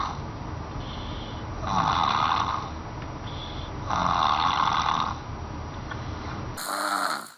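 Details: A sleeping baby makes funny snoring noises; snoring.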